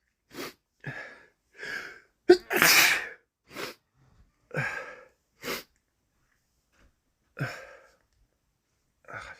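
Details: Man with a common cold, during a week of cold progression: one forceful sneeze among several short sniffs and breathy nasal puffs, following a run of sneezes; sneezing with sniffling.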